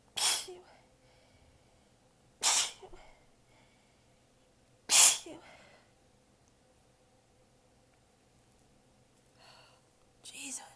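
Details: Three sharp sneezes a few seconds apart, with a fourth starting at the end; a tired sneezing fit, recorded while exhausted with sore abs and sneezes bitten back a little.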